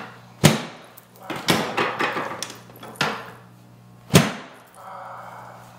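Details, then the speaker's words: Chiropractic patient with lower back pain, tingling sides and foot pain; sacral apex rotated slightly right; three loud, sharp drop-table thuds with clockwise torque to bring the sacrum to midline, with breathy vocal reactions: drop-table adjustment. "so i'm going to do some drops we're going to drop it down and i'm going to put that clockwise torque on it just to bring it back to midline uh"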